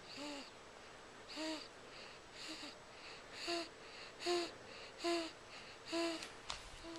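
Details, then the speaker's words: Infant girl at night, right after a feeding, making a humming noise she does not always make. Soft, humming snore-like sounds come with each breath at about 70 a minute: harmless infant snoring. "that she doesn't always do that just usually at night right after she's fed it's kind of a a hum"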